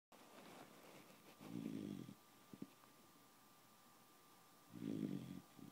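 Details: Pet beagle snoring while asleep: two soft, low rumbling snores about three seconds apart in a quiet room with a faint steady background hum.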